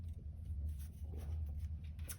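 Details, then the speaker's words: Adult's own stomach rumbling while talking: low, continuous gurgling rumble from the belly, ordinary borborygmi of normal digestion. "sorry if you can hear my stomach rumbles she's just chatty"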